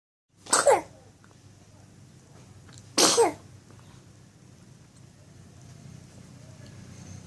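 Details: Two sharp, explosive sneezes about two and a half seconds apart, then quiet room noise.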